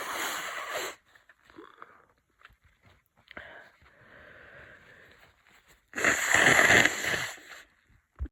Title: Cold progression 3 - congested sneezes